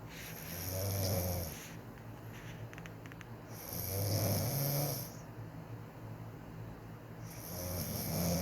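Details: Adult woman (wife) asleep, who says she doesn't snore, snoring quietly for her: slow, regular low rumbling on each inspiration, about 17 breaths a minute, with quiet pauses.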